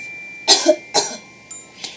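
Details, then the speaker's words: Adult's acted coughs demonstrating the English word "cough": two short, loud coughs followed by fainter sounds over a faint steady background tone; cough. "as a verb cough means to force air through your throat with a short loud noise as a noun it means the sound of someone coughing"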